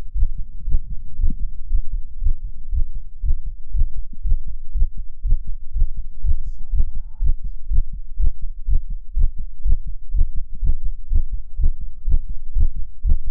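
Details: Steady, rapid low thumping heartbeat of a male, about 120 beats a minute, recorded for ASMR; fast heartbeat.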